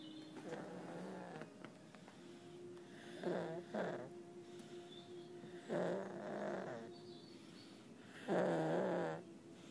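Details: Low, rattling snores on each breath, about 24 a minute, in a quiet room; ordinary snoring during sleep.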